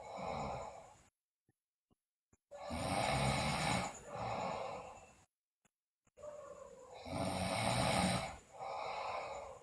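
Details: Sleeping girl snoring loudly, with bruxism and delirium reported: loud, rough inspiratory snores with quiet pauses between, about 14 breaths a minute.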